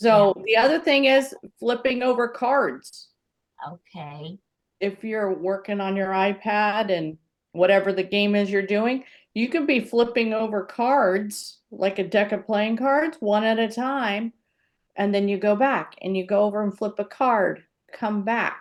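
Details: Adult woman speaking; typical speech.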